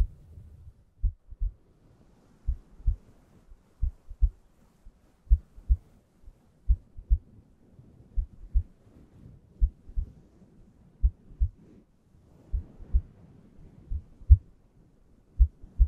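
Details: Normal heartbeat: slow, steady paired lub-dub heart sounds, about 42 beats a minute, over a soft low hum, as relaxing ASMR.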